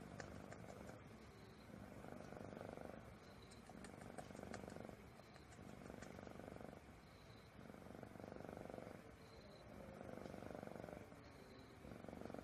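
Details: Pet cat sleeping and very drowsy in the morning at about 5:49 am: soft, steady, rhythmic snoring breaths rising and falling about every two seconds under background hiss.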